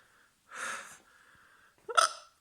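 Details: Two abrupt voiced hiccups about a second apart, each a sharp intake with a brief squeak, in an adult reacting after tasting Blair's Mega Death hot sauce.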